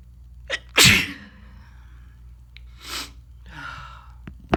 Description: So I’m full of a bad head cold again. Blowing and sneezing all day long.